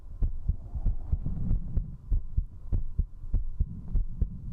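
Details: Fast heartbeat during drinking alcohol, recorded with a 3Dio binaural microphone at zero distance: strong, regular lub-dub beats at about 100 a minute over a low hum.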